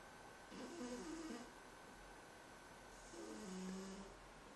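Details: Overweight cat sleeping and snoring: two soft, raspy, buzzing breaths a few seconds apart over faint room hiss.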